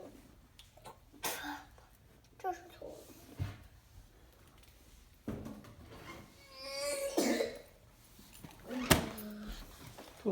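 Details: A young child coughs repeatedly in short bursts, with throat clearing and a strained, gagging retch, but does not vomit; cough with retching.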